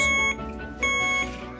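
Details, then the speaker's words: Two clear, high electronic beeps from an infusion pump signal the end of a gene replacement therapy infusion (Elevidys, clinical trial) in a two-year-old boy with Duchenne muscular dystrophy. "– [Erzähler] Dieses Geräusch signalisiert das Ende der Behandlung."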